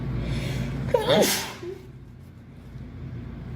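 A single sharp sneeze with a quick intake of breath before it, against low steady background noise.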